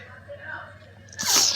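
A short intake followed by one forceful, explosive sneeze against quiet room noise; a hay fever sneeze.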